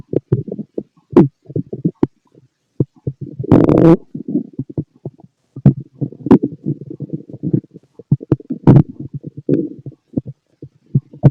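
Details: Fit male's stomach growling heard through a stethoscope: irregular gurgles, squeaks and rumbles; ordinary active bowel sounds.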